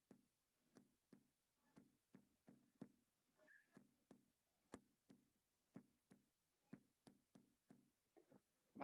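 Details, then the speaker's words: Simulated (improvised) teaching demonstration of premature ventricular contractions: regular heart sounds at about 130 a minute that start normally, then occasional early beats break the rhythm; ventricular extrasystoles. "eso indicaría más o menos que es la ex extrasístoles y se escucharía más o menos así primero empieza normalmente pero se va a precipitar"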